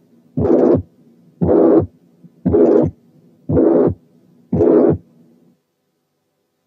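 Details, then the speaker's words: Mitral regurgitation (mitral incompetence), regular heartbeat near 58 a minute: a soft, relatively high-pitched, blowing pansystolic murmur without harshness filling each systole. "الممر بتاعت الماترال انكومبتنس بيقال لها بلوينج، وده لانها نسبيا هاي بيتشد وما فيهاش خروشه. نسمعها تاني ونركز الدور ده على البلوينج كاركتر."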